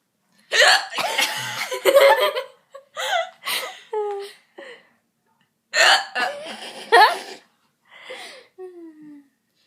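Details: Female friend trying to talk: sharp, abrupt gulping catches with a clipped voiced squeak, mixed with laughter and chatter; hiccups.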